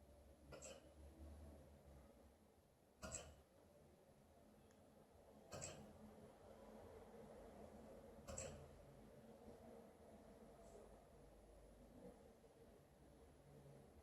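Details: Hiccups in an Alaskan Malamute dog: four sharp, brief jerky sounds at irregular intervals over fourteen seconds, over low room noise.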